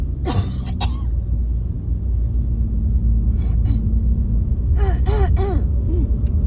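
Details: Wet cough in an adult woman while driving: several harsh coughs and throat-clearing bursts over car-engine rumble; the phlegm does not clear.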